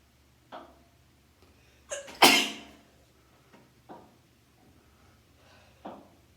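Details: Sneezing and sniffling during a run of nine sneezes in a row, using a twisted tissue: one loud, explosive sneeze with a brief inhaled build-up, short sniffs before and after.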